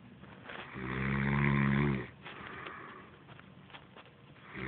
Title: Mom DOES snore afterall...